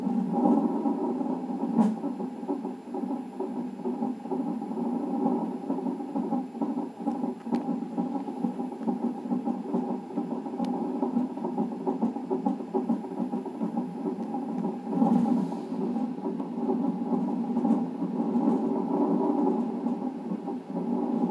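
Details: Twice-weekly non-stress test at 39 weeks of pregnancy with polyhydramnios: fast whooshing, galloping fetal heart tones on the fetal monitor, roughly 130–140 beats per minute.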